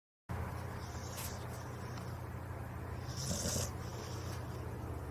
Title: Dog Snoring#short